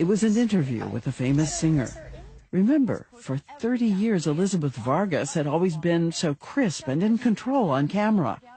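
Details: Adult; normal speech.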